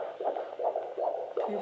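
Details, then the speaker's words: Fetal heartbeat at 26 weeks in an IVF pregnancy, recorded at a midwife appointment: fast, regular whooshing Doppler beats at about 150 a minute with noted variation, a normal fetal heartbeat. "perfect isn't that amazing it never gets old I just oh I just love hearing that heartbe it just makes it feel very real and very very cool"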